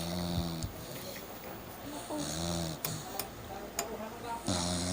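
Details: Low rumbling snore sounds recurring through the clip, with some room noise and faint voices in the background; loud snoring, apparently after a night out.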